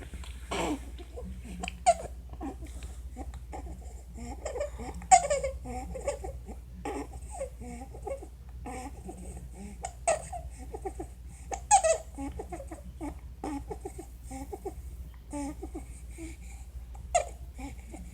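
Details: Infant with laryngomalacia making recurring high-pitched squeaky breath sounds among fussing noises: inspiratory stridor.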